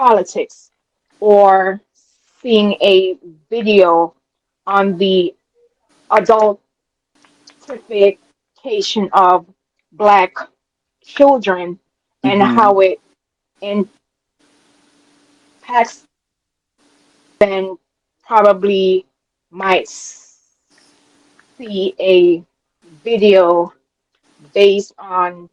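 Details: Adult woman with a self-reported, audible speech impediment she calls her "disability"; real speech with dysfluency: speech impediment.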